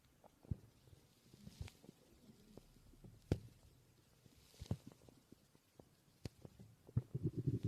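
Quiet, irregular low gurgles and pops with a longer rumble near the end over faint room noise; stomach growling.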